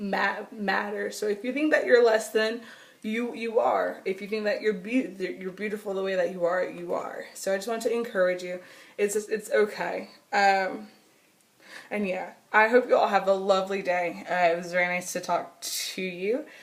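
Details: Adult woman with stuttering since she began talking in childhood, persisting into adulthood; she says nervousness, excitement or anger intensify it and phone calls make it much worse.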